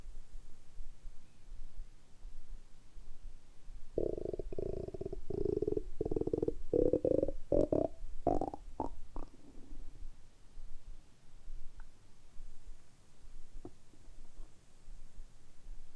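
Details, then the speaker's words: Low, gurgling stomach rumble lasting several seconds in a quiet room from an adult man after about 12–13 hours of fasting, stomach quite empty; hunger bowel sounds. "軽いファスティングなので、ゆっくりお腹の音をお聞きしていただければと思います。"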